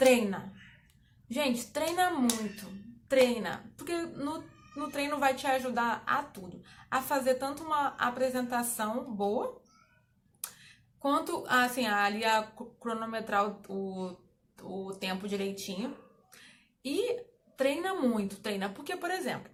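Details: Adult woman who stutters, speaking Portuguese, with difficulty on particular words; part-word repetition heard; stuttering.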